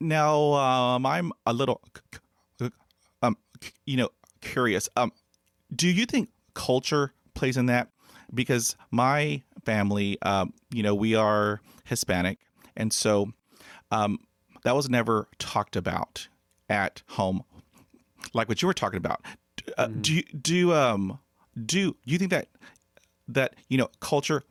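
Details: Adult man who has stuttered since childhood, unable to talk as a child, and hid his stutter for 35 years; his mother also stuttered; developmental stuttering.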